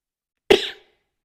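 A single short, sharp cough with an explosive onset that fades over about a third of a second, in an otherwise quiet room.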